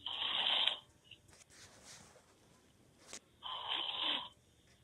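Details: Adult man (boyfriend) sleeping with mouth open: two long, rough, hissing snoring breaths a few seconds apart, quiet room between; loud open-mouth snoring.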